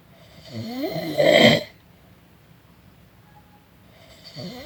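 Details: A person snoring while napping: a harsh, rattling snore on the in-breath, then a quiet pause; ordinary snoring during sleep.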